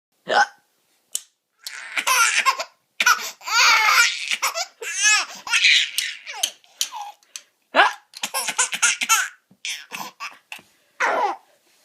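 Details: Adult (mom) hiccups, brief abrupt hiccup sounds interrupting bursts of loud, high-pitched hysterical infant laughter: hiccups.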